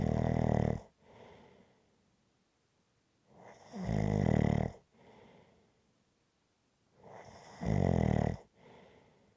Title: Rhythmic Snoring Sounds ZZzzz